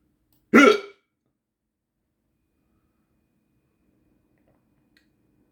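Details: A single short, abrupt voiced gulp followed by silence, from a person with hiccups lasting 15 minutes; one hiccup.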